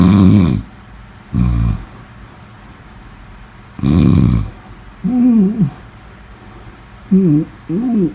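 Rough, rumbling snores on breathing in, followed by pitched, humming moan-like sounds on breathing out. Snoring.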